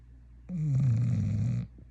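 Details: A female dog snoring in her sleep: one long, loud, low rumbling snore on a single breath in a small quiet room.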